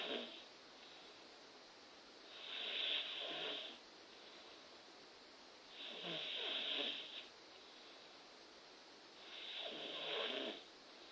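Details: A person sleeping snores with three rough, rattling inspiratory snores, about 17 per minute, with quiet pauses between.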